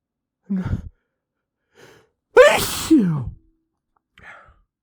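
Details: A sharp intake of breath, then one loud explosive sneeze with a voiced trailing sound, from a man after a struggle to hold back sneezes.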